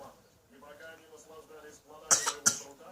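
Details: Young girl coughing: two short, sharp coughs after a stretch of quiet voices and room noise.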